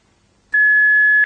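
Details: A steady high-pitched electronic tone of under a second from a Philips HeartStart HS1 defibrillator in a demonstration, sounding as the shock button is pressed and the shock is delivered.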